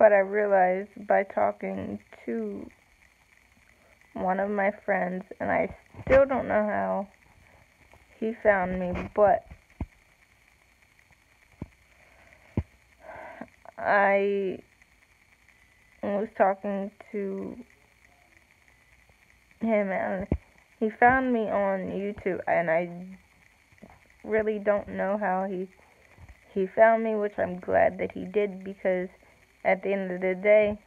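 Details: Dysarthria in an adult woman with cerebral palsy, real, speaking to camera; long pauses between short word groups.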